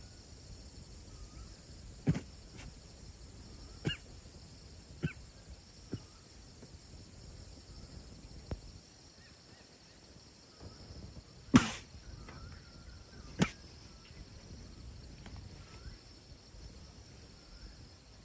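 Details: Chital (spotted deer) coughing fit: about six short, sharp, honking coughs in bursts, over steady outdoor insect noise.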